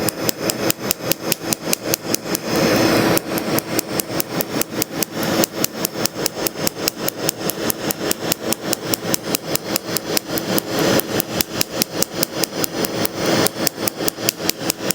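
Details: Laser tattoo removal device in operation during a first removal session on a chest tattoo held since 2011: rapid, steady snapping laser pulses at about 146 a minute.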